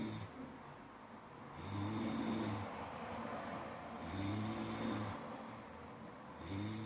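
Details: Loud, regular, rumbling snores on each breath, about 25 a minute, with a low throaty vibration; ordinary snoring.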